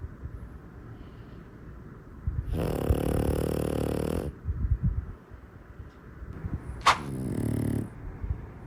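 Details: Two sleeping pugs snoring: loud, rough, rattling snores on the in-breaths with snorting in between, typical of a noisy flat-faced upper airway during sleep.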